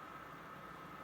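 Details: Faint, steady high-pitched whistling running through a breath, likened to a jet engine; wheeze.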